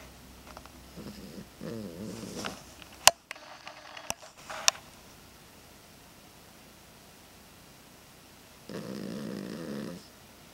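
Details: Sleeping male animal, very tired after being boarded at the vet all weekend: intermittent rough, rattling breathing with quiet gaps and a few sharp clicks; snoring.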